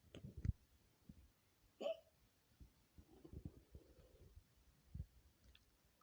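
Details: Compilation of an adult woman's own recorded hiccups in a quiet room: a few short, abrupt hiccup sounds at irregular intervals, some with a brief voiced squeak; hiccups.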